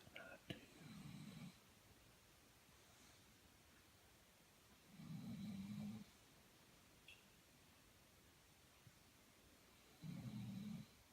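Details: Regular low rumbling snores about every five seconds, roughly 12 a minute, with quiet pauses between, from a sleeping dog; snoring.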